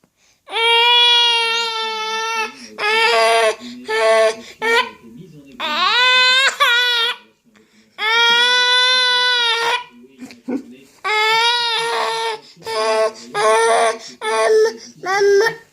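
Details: Baby crying after getting scared by hiccups: loud rhythmic infant crying with brief catches between wails; infant crying with hiccups.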